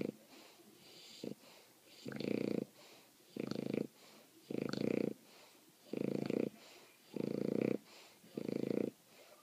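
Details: Bulldog sleeping after the dog park, snoring: loud, rough, rattling snores about every 1.2 seconds, roughly 49 a minute, with quieter breaths between.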